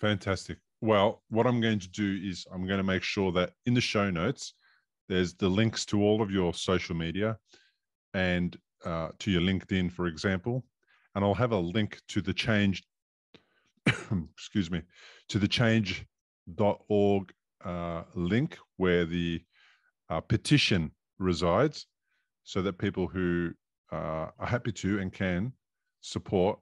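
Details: Adult male speaker; normal speech.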